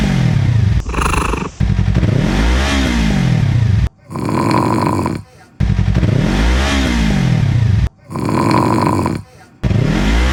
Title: Akrapovič vs Cat vs Dad Snoring( R3)